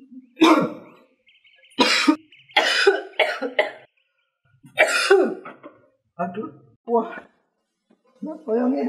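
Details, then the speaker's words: Simulated scene: acted harsh coughs and throat clearing between groans from an adult man, said by his wife to have coughed for over two weeks; staged persistent cough like tuberculosis. "Suami saya Bu batuk sudah 2 minggu lebih."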